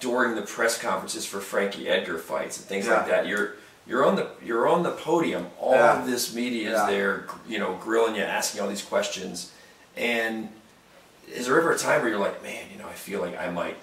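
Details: Adult male speaker; normal conversational speech.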